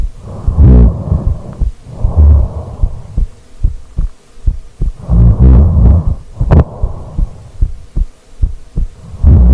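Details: Own heartbeat recorded during sleep after rolling over, clipped from a four-hour sleeping video: muffled, regular low heart thumps beneath loud, slow, rumbling snoring-like sleep breaths; ASMR, headphones advised.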